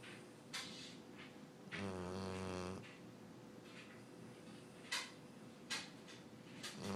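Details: One loud, rumbling, vibrating snore followed by softer snorting breaths from Sully, a sleeping dog who snores like this every night; snoring.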